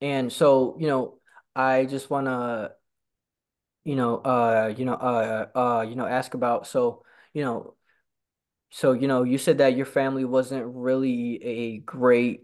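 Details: Real stuttering in a person who stutters and attends stuttering support-group meetings; stuttering.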